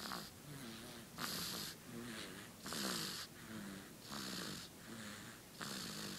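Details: Sleepy baby snoring: rapid rhythmic breathing, about 40 breaths a minute, alternating hissy airy out-breaths with buzzing snored in-breaths.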